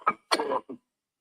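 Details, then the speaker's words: A smoker's coughing fit from an old tape recording: three quick, harsh cough bursts in close succession, the middle one longest. The fit is described as lasting about 20 seconds. "I could fax it I can send it to you right now but it's it's a coughing Jag my on for about 20 seconds"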